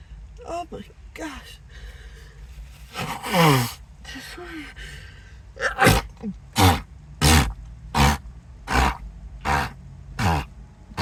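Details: Acted, prolonged sneezing fit; the person suspects an allergy and reports dizziness and a tingling, buzzing nose. Gasps and sighs, then a rapid run of six loud sneezes close together.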